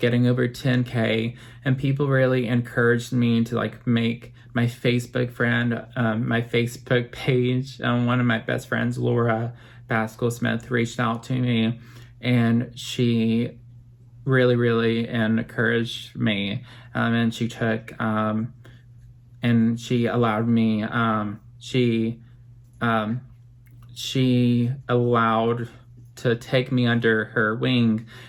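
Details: Adult man, 25 at filming, with apraxia of speech since childhood; had speech therapy from age 20 to 23, which he says greatly helped; apraxia of speech.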